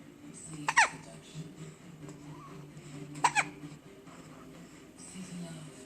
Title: Hiccups!